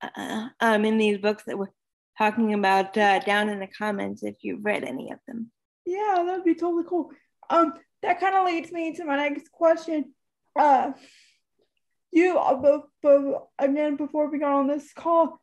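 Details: Dysarthria in a woman almost 32 with cerebral palsy who says talking is hard for her and that her disability shows as soon as she speaks.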